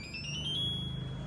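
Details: A single rising electronic tone as the power button is pressed on an Ampall IP-7700 infusion pump during an operating demonstration; power-on self-test beep.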